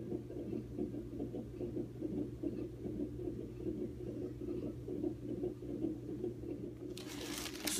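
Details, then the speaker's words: Non-stress test at the doctor's: fetal heartbeat on the monitor, fast soft whooshing beats about 150/min over a low hum, then rustling as the very active baby girl moves and the heartbeat must be re-found; fetal heart rate in normal range. "so i'm at the doctor hooked up to a stress test and she is moving around like crazy we have to keep finding her heartbeat but yeah this is the first one"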